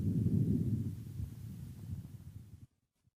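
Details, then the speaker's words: Normal vesicular breathing on lung auscultation: soft, low rustling noise heard mainly during inspiration, loudest early then fading quickly through expiration, produced by vibration of elastic alveolar walls. "поэтому везикулярное дыхание представляет собой мягкий по характеру шум который в основном определяется в течение фазы вдоха прослушайте везикулярное дыхание"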